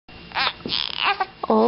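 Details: A newborn baby boy who gets hiccups after feeding: brief fussy vocalizing that rises into a short cry.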